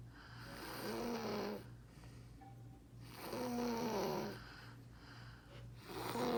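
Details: Loud, rattling snores on each breath in, roughly 20 breaths a minute, with a steady low hum in the background; snoring.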